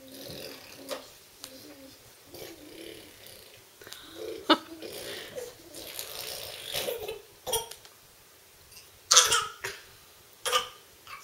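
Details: Bird makes soft chattering and gurgling, then a few sharp, throaty cough-like bursts with sputtering; cough.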